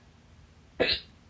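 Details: A single sharp, abrupt, loud hiccup against quiet, from a stubborn, fast, late-night hiccup bout lasting 30 minutes, blamed on too much salsa; holding breath failed at first and worked on the fourth try; hiccup.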